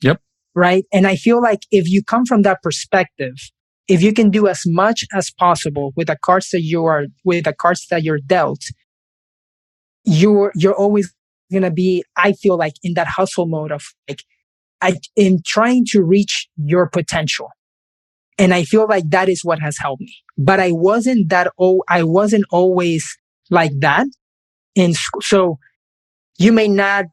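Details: Man who has stuttered since age five, which he calls a speech impediment, speaking: stuttering.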